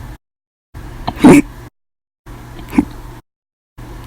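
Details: Hiccups after eating and drinking soda, an episode lasting 13 hours 20 minutes: two abrupt, loud throat jerks about a second and a half apart, each a sudden gulping catch of breath.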